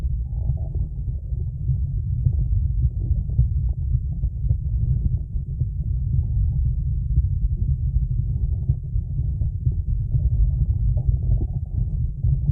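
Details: A female's stomach growling recorded on a mobile phone along with her heartbeat. Bowel sounds (borborygmi).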